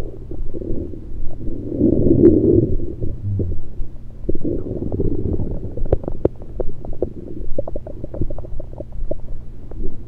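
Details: Active bowel sounds recorded over the stomach with a USB electronic stethoscope: continuous low rumbling with frequent bubbling gurgles and pops from liquid and air, not from digestion.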